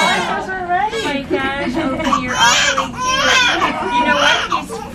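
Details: Cry of a newborn son just after a hospital delivery, noted to have a short cord: strong, repeated high-pitched wailing with vigorous breaths between cries; a normal healthy newborn cry.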